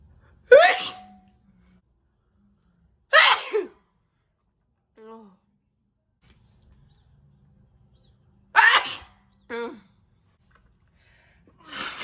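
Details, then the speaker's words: Woman deliberately trying to hold back sneezes on request: several short stifled sneezes, some with a brief vocal catch, separated by quiet pauses. "oh i'm trying to hold back like i promise you i'm trying okay they're coming out weird because like i'm trying to hold back so they come out where when i do that"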